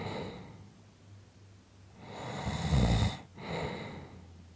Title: 5 Minutes of snoring Audio